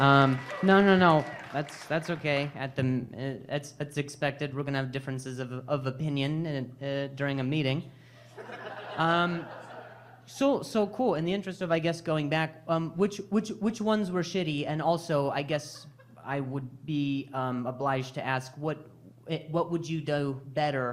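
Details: Male stand-up comedian who stutters, speaking live on stage during crowd work; he says noises in his ear while talking trigger his stuttering again; stuttering.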